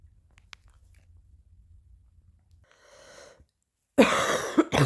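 A quiet in-breath, then a sudden loud harsh cough burst with a second short burst; a single coughing episode.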